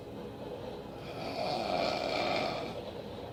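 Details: Adult recording themselves snoring while going to sleep: a single long, rough, rattling inhaled snore rising and fading over about two seconds.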